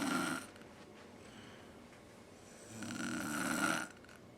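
Two loud, rough, rattling snores a few seconds apart, with quiet breathing between them. This is snoring during sleep.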